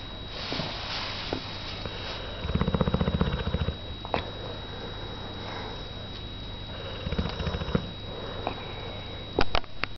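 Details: German boxer dog napping in the afternoon gives low, rattling snore breaths with soft snuffles between, over faint room hum and a steady high tone: snoring.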